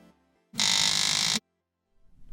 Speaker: The diaphragm orientation can also impact sound quality of your electrolarynx. If your device sounds similar to this example,